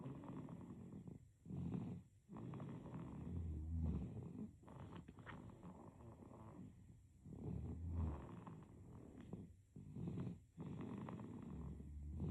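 Soft, low, rattly breathing noise in a steady rhythm of about twelve to fourteen breaths a minute, consistent with light snoring.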